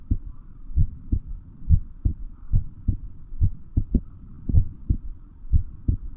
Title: Heartbeat sound